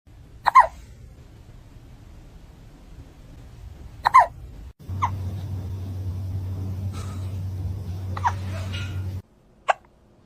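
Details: Hiccups after eating food too fast: sharp, abrupt gulping sounds recurring irregularly, five in ten seconds, over a low steady hum; hiccups.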